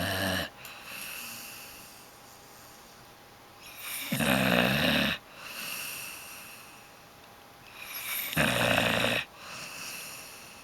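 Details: Loud, rasping inhaled snores about every four seconds, roughly fifteen a minute, with quieter breathing between, from a sleeping woman: snoring.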